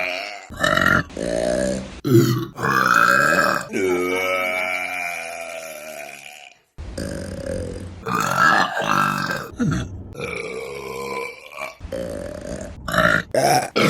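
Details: Deliberate burping compilation: a run of loud, drawn-out belches, some long and rumbling, others short.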